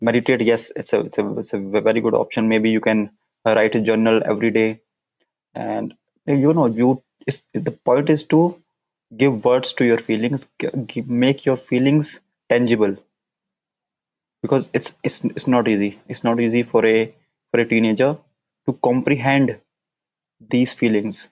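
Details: Stuttering (stammering) in a man whose stammer began at around nine years old and persists into adulthood.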